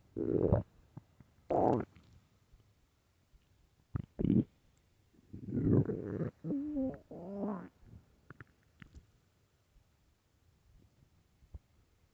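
Loud gurgling and rumbling bursts, some with a drawn-out groaning tone, between quiet gaps; ordinary stomach growling from an empty stomach.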